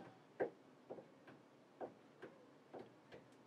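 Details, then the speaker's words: Cardiovascular physical exam tutorial: heart sounds with an extra beat after lub-dub, a three-beat galloping rhythm; S3 gallop, frequently heard in heart failure and indicating the heart is not pumping efficiently. "an S3 Gallop an S3 Gallop in particular is something that is frequently heard in heart failure and it's a indication that the heart is not pumping efficiently and when you listen to the heart it actually sounds a little bit like a Gallop"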